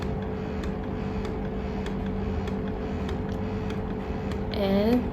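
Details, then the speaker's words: Electric breast pump in its stimulation phase, described by the user as not very loud: low steady motor hum with quick faint ticking, then a brief voice. "and yeah if you can hear it this that actually this is the sound of the stimulation"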